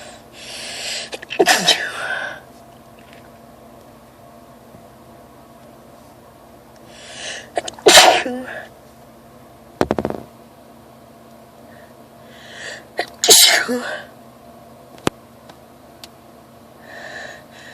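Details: Sneezing bout attributed to allergies, with itchy, messy sneezes and watering eyes: three loud explosive sneezes, each preceded by a short inhaled build-up, in a quiet room.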